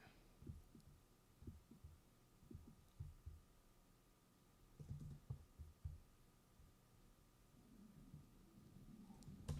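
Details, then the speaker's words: Irregular low rumbling gurgles from the speaker's own empty stomach, with the speaker saying they are hungry, over a faint steady room hum: stomach growling (borborygmi) from hunger. "can hear my stomach growling. I'm hungry, bro."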